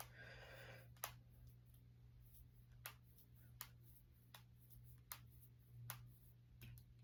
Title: Cracking my fingers and knuckles.